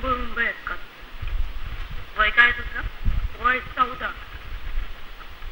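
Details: Puberphonia (persistent high-pitched voice after puberty) in a male patient, recorded before speech therapy; the voice was changed to normal in the first session.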